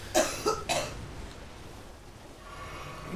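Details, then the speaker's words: Three quick, harsh coughs from a woman with a current flu-like cold, then quiet room noise. "that sounded rough i that's not pinky out yo's normal cough i i hasten to add she has a she has a flu cold thing at the moment"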